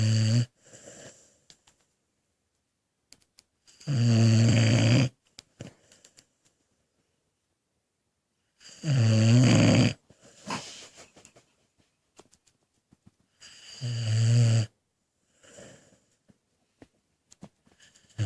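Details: Sleeping pet dog: loud, deep rumbling snores recurring about every five seconds, roughly 12 breaths a minute, in a quiet room; snoring.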